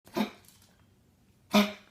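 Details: A dog's bad cough: two short, harsh bursts about 1.4 seconds apart, each with a rough tonal edge, in a quiet small room.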